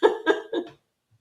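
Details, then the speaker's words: Adult woman with allergies making her voice hoarse: a short run of three rough, voiced throat-clearing bursts in a small room; throat clearing. "Me and my allergies. Some days my voice is fine and other days I sound like a frog."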